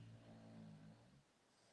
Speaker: do you hear my dog my dog bailey is snoring in the background so you're probably gonna hear that